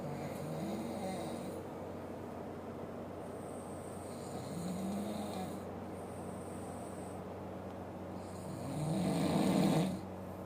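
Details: Sleeping papa snoring: soft, low, rough snoring breaths recurring every few seconds over a steady background hum.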